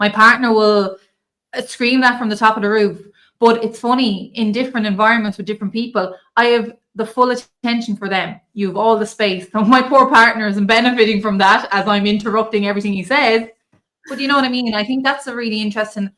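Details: Adult woman speaking; normal speech.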